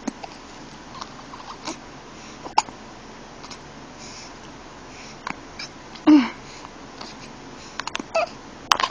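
Brief, abrupt hiccup sounds from a young baby repeat against quiet room noise; these are infant hiccups.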